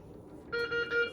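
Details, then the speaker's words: Faint room noise, then a repeating high electronic tone in three pulses from an MRI-conditional IV infusion pump: patient-side occlusion alarm on channel A, triggered in a training demonstration by closing the line clamp. "this is saying PT occlusion on a which means it's happening from the channel to the patient and it's because I have this rolled off now when I"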